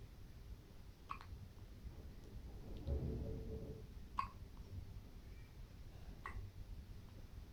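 Faint, short, sharp catches recur every couple of seconds over steady low background rumble; hiccups in a young baby.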